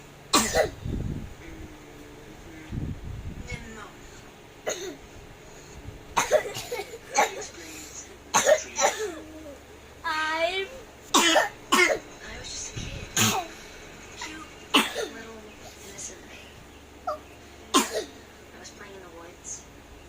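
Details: Child with an allergy cough: repeated short, dry coughs and throat clearing with brief talk between; child is urged to cough more but says they can't.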